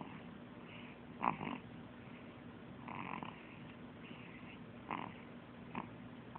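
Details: Sleeping baby snoring lightly: soft, snuffly snorting breaths at irregular intervals over a steady background hiss.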